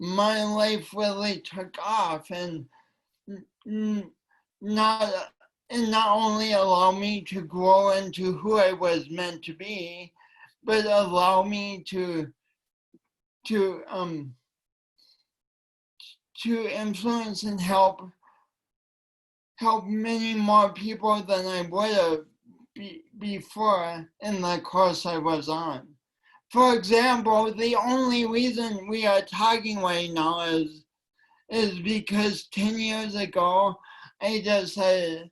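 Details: Woman with a long-standing speech impediment affecting her voice and coordination, which she tried to deny for years; speech impediment.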